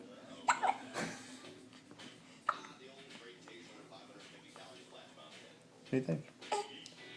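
Brief sharp catches of breath about every second or two under quiet background music; hiccups.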